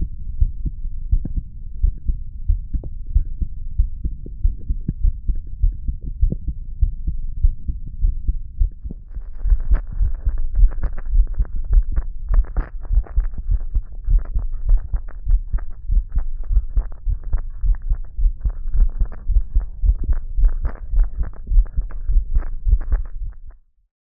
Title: Listening to my heart beat